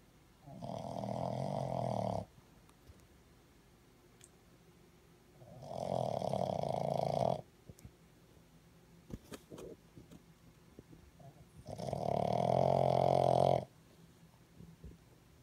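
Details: Baby Boston Terrier puppy asleep: three long, loud, rattling snores of about two seconds each, separated by quiet gaps of roughly four seconds; snoring.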